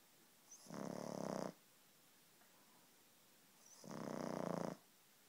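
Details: 6-month-old pug snoring, sounding like a person: two buzzing, fluttering snores about three seconds apart with quiet pauses between; steady rhythmic snoring.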